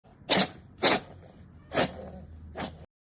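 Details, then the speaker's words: Pet cat with a cold (upper respiratory infection, nasal congestion) giving four sharp, hissy sneeze-like bursts; sneezing/coughing from cat cold. "Cat को भी इसी की तरह सर्दी हो चुकी है। इनफेक्शन फैल चुका है।"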